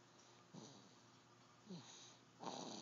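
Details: A sleeping dog snoring after a long day: three soft snorting snores over a steady low room hum.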